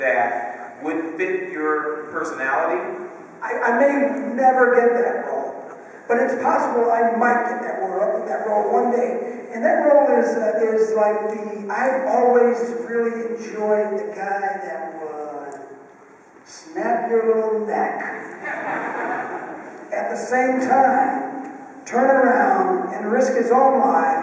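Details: Adult male with one vocal cord bowed and one paralyzed after a childhood clothesline injury to the neck, present ever since; unilateral vocal fold paralysis with breathy, rough voice.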